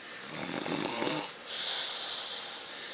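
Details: Person sleeping: a harsh, noisy breath sound with a whistling edge, followed by a hissing breath; snoring.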